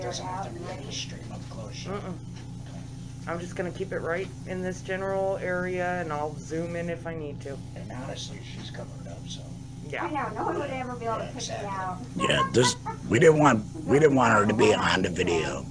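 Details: Laryngectomee speaking with a tracheoesophageal puncture (TEP) voice prosthesis; tracheoesophageal speech after laryngectomy.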